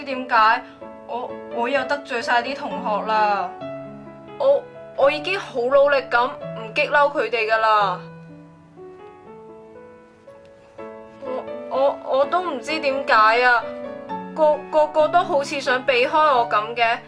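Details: Acted (drama) stuttering since birth in a female student, with sound and word repetitions.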